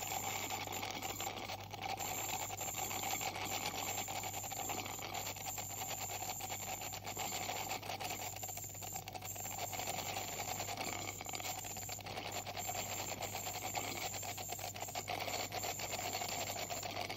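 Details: Ultrasonic scaler removing tartar in a 44-year-old female with heavy plaque and tartar buildup and possible gingival inflammation, by a dental hygienist: steady high-pitched whine over constant hiss of water spray and suction.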